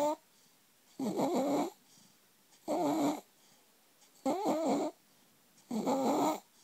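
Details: Inspiratory stridor in a 4-month-old infant with laryngomalacia: rhythmic, fluttering, crowing noise with each breath in, about 40 breaths a minute.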